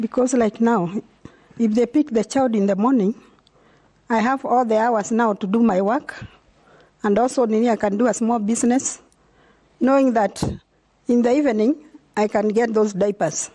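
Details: Adult woman speaking; typical speech.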